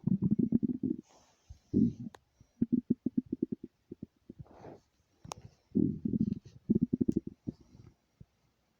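Gurgling, bubbling stomach rumbles in several bursts, typical of ordinary bowel sounds from gas and fluid moving.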